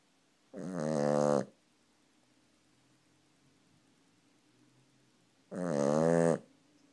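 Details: Cavalier King Charles Spaniel sleeping on owner's leg: two long, loud, buzzing snores about five seconds apart, with near silence between; snoring in a sleeping dog.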